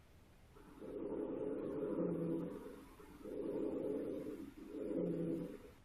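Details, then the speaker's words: Simulated digital standardized patient (Shadow Health) bronchophony test after posterior lung exam: she's saying 99; normal muffled voice sounds. "she's saying 99."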